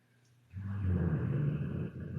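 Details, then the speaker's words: After a moment of quiet, one loud, deep, rough rumble lasting nearly two seconds from a sleeping dog in a quiet room: heavy snoring. "i hear that dog snoring that's a dog not a demon that's very interesting"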